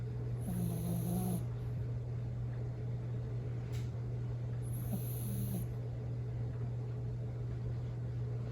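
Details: Two soft whistling, snorting breaths a few seconds apart over a steady hum from a sleeping Bichon Frise dog; snoring.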